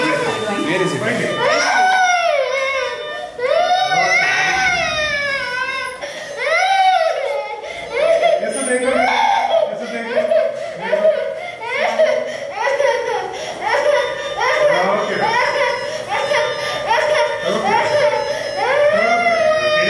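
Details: Frightened little boy given anesthesia before surgery: sustained loud crying with sobbing breaths and rising, wailing cries from a scared, distressed young child.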